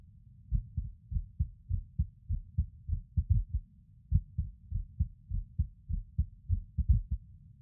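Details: Male recording his own heartbeat while lying on his bed: soft, low thumps with uneven spacing and a noticeable pause. Skipped heartbeats, irregular rhythm.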